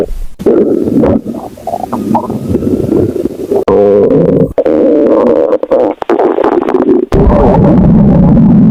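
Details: Puppy's stomach growling: loud, drawn-out gurgling and rumbling with brief pauses and handling noise; ordinary gut sounds (borborygmi).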